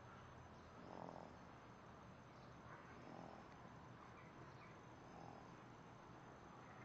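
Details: Snoring in a baby.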